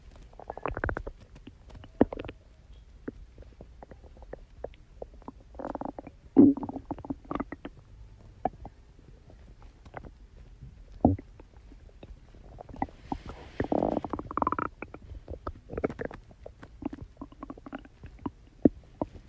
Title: stomach growling but I can’t find the photos